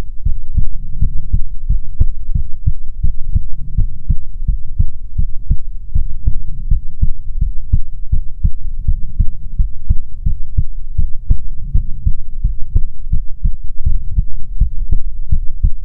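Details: ASMR heartbeat recording: steady, regular lub-dub heartbeat, roughly 85 beats a minute, deep and muffled, no extra sounds; heartbeat.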